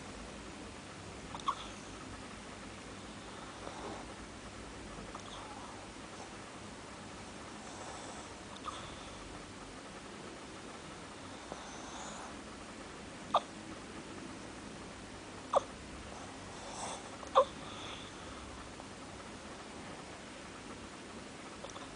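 Faint, sharp, brief clicks recur every few seconds against quiet room noise, fitting hiccups.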